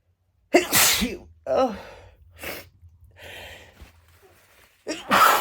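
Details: Stuck sneezes, unusually hard to release, induced by tickling the nose with a clothing tag: several explosive sneezes with inward breaths and quieter pauses between, the last strong and forceful.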